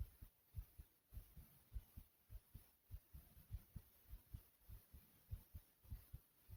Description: my heart was pounding after running in place.